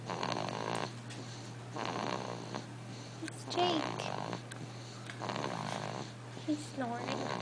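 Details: Snoring: repeated rough, fluttering snores, roughly four in seven seconds, with a steady hum and small squeaky sounds in the background.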